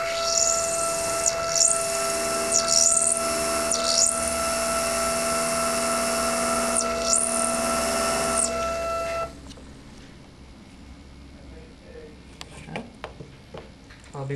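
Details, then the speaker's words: Final single-use drill of an MIS 7 implant (11.5 mm by 3.75 mm, internal hex) on a W&H motor preparing an osteotomy on a training model: high steady whine dipping as it cuts, then quieter clicks. "and finally the drill included with the Mis 7 implant single sealed sterile final drill designed for the exact specifications of the implant itself"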